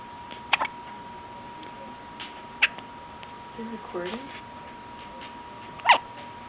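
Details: A person with hiccups; hiccups.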